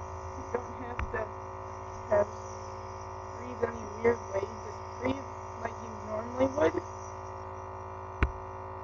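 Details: Home nebulizer breathing treatment, compressor on a hard surface: steady low electric hum with buzzing drone, faint background music and brief sounds; nebulizer compressor running.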